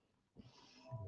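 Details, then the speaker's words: A sleeping dog in a studio, "out for the count," snoring quietly: a single soft, snuffling breath with a low rumble. "you hear snoring oh sorry Sally there she is right there Savannah are you okay she does not care she just does not kind of say she out for the count thank you for understanding about the snoring"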